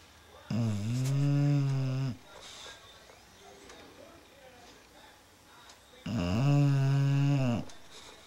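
Two long, loud, vibrating snores about five seconds apart, with quiet room noise between them. Snoring.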